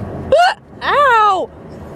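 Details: A short, abrupt voiced hiccup, then a drawn-out pained "ow", during an ongoing, painful bout of hiccups; a hiccup.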